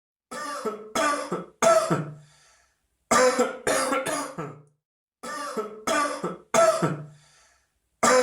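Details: Cough: repeated bouts of three harsh, voiced coughs separated by short pauses, about ten coughs in all, with a trailing throaty sound after each bout.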